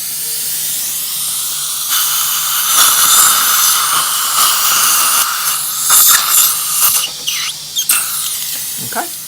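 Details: Dental implant procedure: high-pitched whine of a dental drill running steadily with hissing water spray and suction, brief stops and starts.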